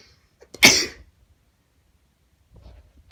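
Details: A single sharp adult sneeze with a brief catch of breath just before it.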